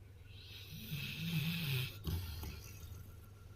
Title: dog snoring #funny #dog